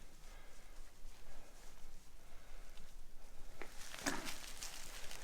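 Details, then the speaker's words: Newborn calf just pulled at birth, prompted with straw to cough: a few short, wet coughs clearing audible fluid from its lungs and throat, over quiet outdoor noise. "Try to get some of the stuff out of his lungs. You can hear fluid in there. Hear him coughing that up."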